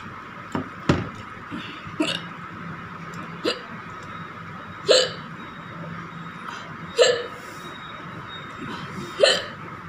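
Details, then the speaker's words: Female's real hiccups after eating very spicy green chilli with rice and dal, without drinking water: sharp, brief throat clicks with a small voiced catch, repeating irregularly every one to two seconds against quiet room noise. "जिसको मैं खा के ना हिचकी challenge करूँगी। तो देख लीजिए दोस्तों, मैं सबको खा के मुझे कितनी हिचकी आती है, और मैं पानी नहीं यूज़ करूँगी, अगर पानी यूज़ करूँगी तो हिचकी बंद हो जाएगी मेरी।"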